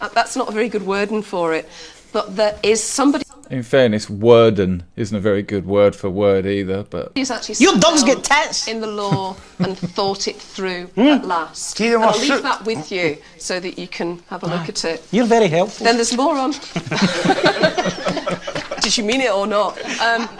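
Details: Tourette syndrome with involuntary vocal tics, including obscenities and inappropriate words, interrupting the speech of a woman adviser.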